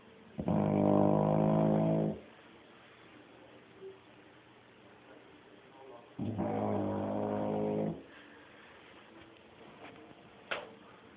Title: caught snoring!